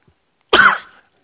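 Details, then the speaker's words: One loud, harsh single cough from an adult with a lingering cold; cough. "So either way, I'm going to cough. Expect it. Be ready. Don't wear headphones."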